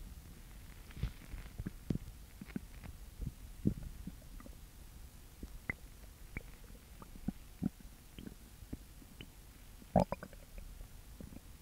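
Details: Girl with an upset stomach: soft, scattered gurgles and clicks over a steady low hiss; stomach growling (borborygmi).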